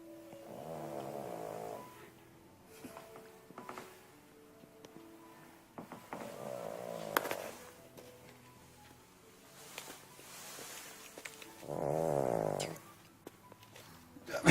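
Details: A sleeping small dog makes slow, rattling snores, about three in fifteen seconds, with soft music in the background; snoring.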